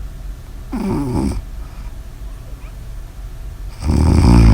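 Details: Snoring during sleep: two loud, rattling snores separated by a quiet pause, recorded close to the microphone.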